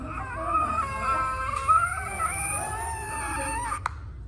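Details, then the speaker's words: Inspiratory laryngeal stridor in a child: high-pitched, harsh, drawn-out crowing sound on breathing in. "Đây là tiếng thở rít [âm nhạc] từ từ từ [âm nhạc]"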